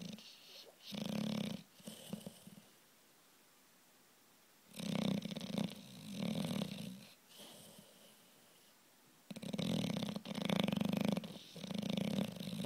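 Loud rough snoring in long bursts separated by pauses, from a sleeping dog.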